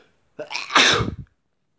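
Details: One loud, forceful sneeze after a short inward breath, self-induced by tickling the nose with tissue paper; sneeze.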